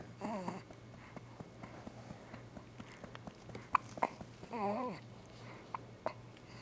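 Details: Newborn girl hiccupping while being burped by her father: a few brief, sharp little catches between soft squeaks and quiet room sound; infant hiccups.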